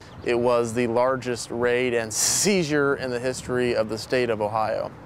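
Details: Adult male police detective who has stuttered since childhood, more noticeable as he has aged; stuttering.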